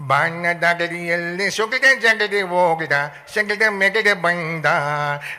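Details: Comedian imitating a schoolboy singing with a speech impediment (todalu, lisping or faltering speech) in a comedy routine; speech sound disorder (imitated).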